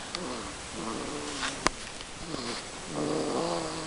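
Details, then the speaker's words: Sleeping 3-week-old infant in a swing makes squeaky, whistling, snuffly noises with each breath; noisy nasal breathing from a blocked nose, not snoring, improving compared with before. "that noise he makes isn't him snoring. That's cuz he's got like a block nose. Um, it's not as bad as it was."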